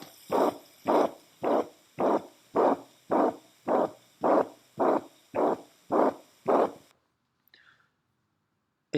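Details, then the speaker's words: Congenital systolic murmur in a puppy, veterinary auscultation: regular whooshing beats about 107 a minute, each a single rushing turbulent sound without a clear second sound. "lo que simplemente escuchamos un solo golpe de turbulencia de soplo y eso se debe a que es un soplo sistólico"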